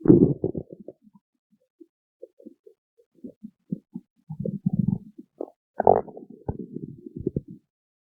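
Low, gurgling, irregular rumbles and squeaks from the belly: ordinary stomach growling, harmless bowel sounds.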